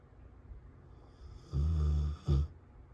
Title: Snoring while Sleeping!